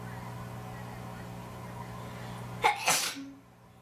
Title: Induced Sneezing #2